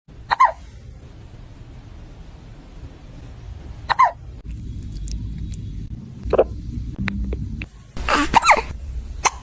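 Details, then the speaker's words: Cat hiccuping after eating its food too fast: sharp, brief chirping jerks repeating every few seconds over room noise and faint music. "Oh, You see what happens when you eat your food too fast?"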